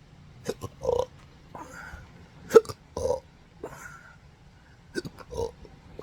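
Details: Belching together with hiccups, in a patient with involuntary diaphragm contractions since December 2015 after surgery caused nerve damage affecting the pudendal, phrenic and vagus nerves; repeated short throaty burps and gulping catches, about six in six seconds, in a quiet room.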